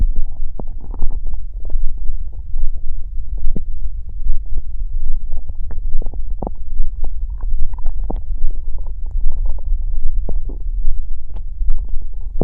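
Continuous low gurgling rumble with scattered bubbly pops; these are ordinary stomach and bowel growling sounds.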